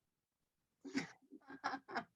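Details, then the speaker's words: Vocal imitation of a low-frequency three-beat 'Ken-tuc-ky' S3 gallop, heard with the bell pressed gently at the apex in left lateral position; a weak heart with reduced ejection fraction (systolic dysfunction). "what's a low frequency sound could be a gallop of a heart that's weak heart failure with reduced ejection fraction if ref systolic dysfunction"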